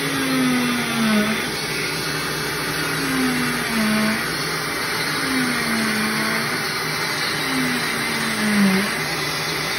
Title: Cast removal: will it hurt?